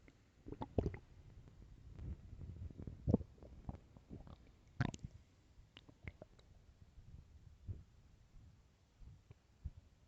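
Soft low rumbling and squelching gut gurgles over faint room hiss; ordinary stomach growling.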